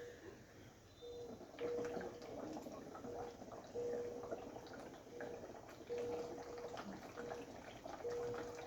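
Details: Bursts of bubbling water as a physiotherapist, mask lowered, blows through a suction tube into a half-filled water bottle; bubble positive expiratory pressure exercise for COVID patients, to open airways and clear secretions.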